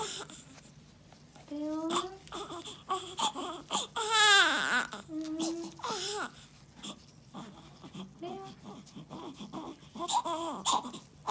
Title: 신생아 생후6일째 울음소리가 너무 귀여워 애교만땅